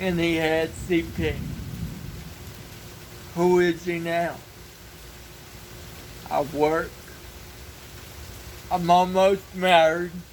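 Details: Dysarthric speech in an adult man with cerebral palsy.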